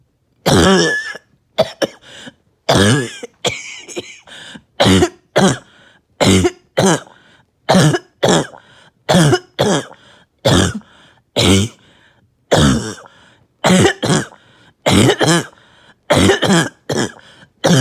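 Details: Persistent barking cough, about fifteen loud, harsh, hoarse single barks with short pauses, in a person who says there was less chest pain this episode and was on medication.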